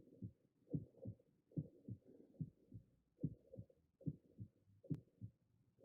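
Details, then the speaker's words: 30-year-old man with exertional dyspnea, palpitations and bilateral basal crackles: regular heart sounds at about 72 a minute with a holosystolic murmur at the mitral area, intensity 4, increasing with the Pachón maneuver. "Bueno y con esto que integramos escuchamos un soplo en el foco osculator mitral y que este soplo es un soplo los sistólico que quiere decir que va en toda la parte de la sístole de intensidad 4 de se que aumenta con la maniobra de pachón"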